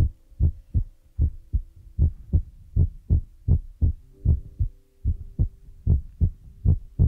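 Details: ASMR relaxation recording with a heartbeat trigger among feather, brush and ear-massage sounds, from a Chinese young woman: steady, deep paired thumps at about 77 beats per minute with a faint hum, a regular heartbeat.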